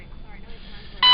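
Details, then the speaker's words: Loud, steady electronic beep from a bedside device in the hospital room of a patient with Crohn's disease and short bowel disease who is on TPN, with fevers to 102 and severe headaches: an equipment alarm sounding. "Meanwhile, we got my beeping friend over here. It's been tough on the head."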